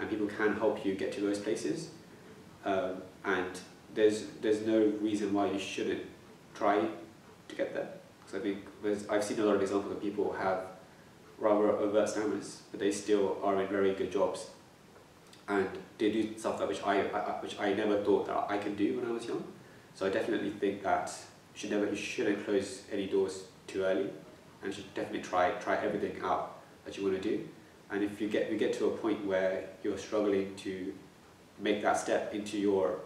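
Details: Stuttering in a young adult man who stammers.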